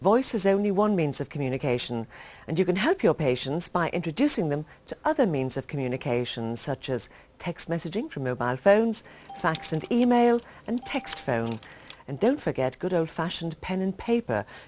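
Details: Adult narrator; typical speech.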